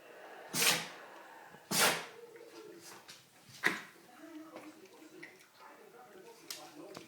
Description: Funny Shih Tzu Sneezing